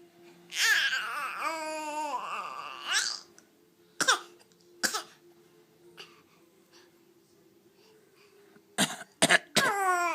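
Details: A young child makes a long wavering voiced sound, then several short dry pretend coughs, copying dad's coughing; imitated cough.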